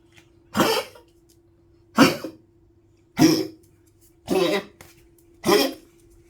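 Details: Old Poodle woken at night by coughing, then drinking water with weak legs: five short, dry, hacking coughs about a second apart over a steady low hum.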